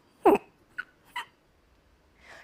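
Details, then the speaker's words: A few abrupt, brief yelp-like and hiccup-like vocal bursts from a woman diagnosed with Tourette syndrome at age six; involuntary simple vocal tics. "Tourette về cơ bản là tập hợp một loạt các cử động và âm thanh mà không tự chủ, được biết đến là rối loạn tic."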